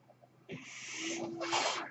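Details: Sound of the speaker's own mechanical ventilator during recorded speech, which the speaker identifies as the noise heard: a mechanical ventilator breath cycle.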